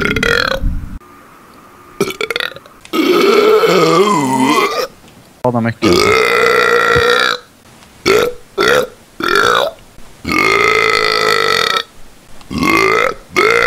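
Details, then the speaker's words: Several long, loud, deliberate burps in a row with brief pauses from gamers in a burp compilation; voluntary belching. "You guys burp like that. I don't get how he burps like that. It's an instinct."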